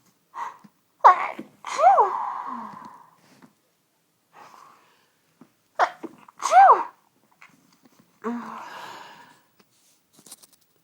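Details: Sunday-evening sneezing fit that began within the last hour: two pairs of forceful sneezes with sharp inward gasps and voiced bursts, then a sigh-like exhale; four sneezes in about eleven seconds.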